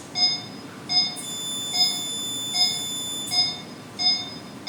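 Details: Regular high-pitched beeps about 80 a minute: CO2 laser firing during second laser session for a large neck scar, two months after scar removal surgery.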